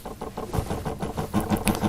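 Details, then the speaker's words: ProSim 8 patient simulator pressure source pumping to a static 180 to verify or calibrate a patient monitor's NIBP: rapid, even mechanical pulsing of a small pump rising in strength. "the pump pumps up to 180 and i just correlate the two pressures with each other to see whether the machine needs calibration or not"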